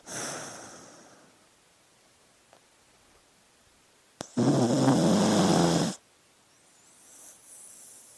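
A soft snore, then a louder rattling snore lasting about two seconds, from a sleeping dog in a quiet room.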